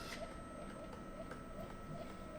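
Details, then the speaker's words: Quiet, rhythmic mechanical chugging with faint clicks as a Belmont rapid infuser primes the patient line while Prime Patient Line is held, pushing out air before connection to the patient. "Chugga lug all right now here we go the the patient line is prime you can now attach this to the patient"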